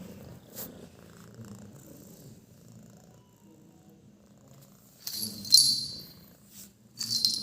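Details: White house cat asleep, making a soft, low, rumbling snore with each breath that surprised the owner; a collar bell jingles briefly near the end; snoring.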